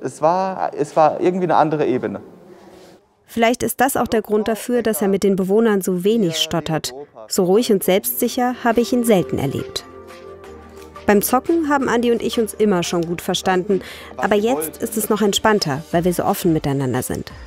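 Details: Adult woman speaking; normal speech.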